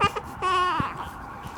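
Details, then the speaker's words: Newborn girl, dressed for her one-month photos, giving short, insistent cries with a sustained wail, hungry and upset after a diaper change while her bottle warms; room noise in the background; a hunger cry. "the fact that she's crying because she is hungry but she's also mad at me for changing her but her bottle's warming up"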